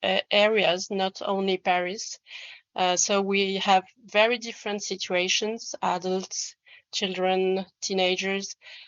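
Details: Stuttering in an adult French man who describes himself as a person who stammers, speaking English.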